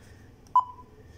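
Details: A single short electronic beep from a Nihon Kohden Cardiolife defibrillator during its battery test, in a quiet room.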